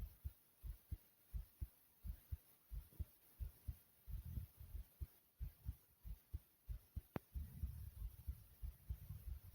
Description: my heartbeat goes from loud to low and soothing sound